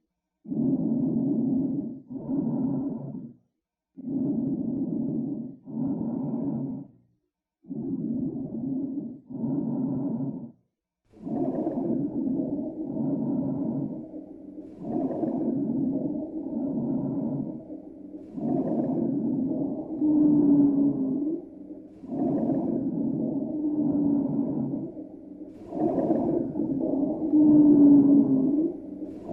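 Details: Stethoscope lung auscultation of a smoker: coarse, rumbling rhonchi with brief musical wheezes; rhonchi and wheezing from smoking-related lung damage.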